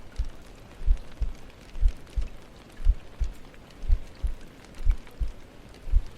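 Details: ASMR heartbeat trigger: soft, regular paired low thumps at about 58 a minute under steady rain noise; a heartbeat.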